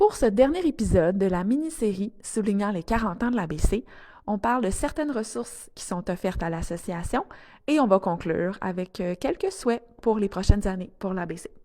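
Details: Adult woman speaking French; normal fluent speech.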